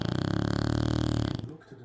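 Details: Shar Pei dog snoring: a rapid fluttering, rattling snore buzzing through the soft palate, then fading into breathing.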